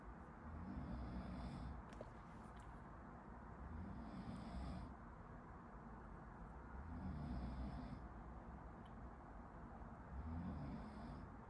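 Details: Person sleeping in the room behind: four low, rumbling snores about every three seconds, roughly 20 breaths a minute, against a quiet room hum; ordinary snoring.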